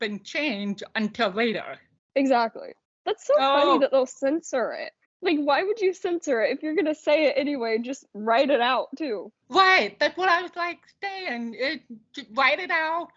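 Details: Adult woman speaking; typical speech.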